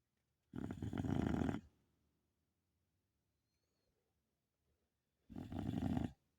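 Two loud, rough, vibrating inhalations separated by a long quiet pause: snoring.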